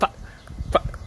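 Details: Brief, sudden clucking, bird-like noise from an adult with Tourette syndrome: a simple vocal tic.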